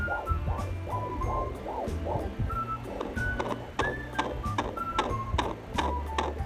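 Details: Fetal heartbeat picked up with a fetal Doppler used at home in a twin pregnancy: fast, rhythmic whooshing pulses over low static, with background music.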